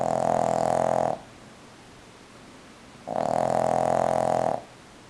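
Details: Two long, loud, buzzing, tonal snores separated by a quiet pause; snoring.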